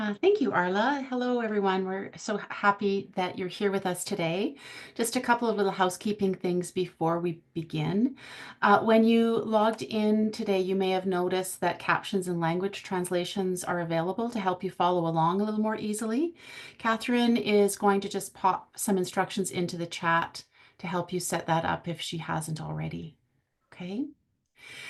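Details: Adult woman; Normal speech.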